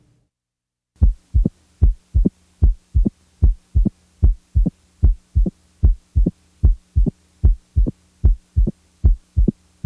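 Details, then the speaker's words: Heart sounds contrasting an opening snap, 60 to 100 milliseconds after the second sound and best heard with the diaphragm firmly pressed, with a later, lower-pitched third heart sound best heard with the bell lightly held. Opening snap. "let's also contrast the opening snap to a third heart sound note that the S3 follows the second Sound by a longer interval and is lower in Pitch than the opening snap"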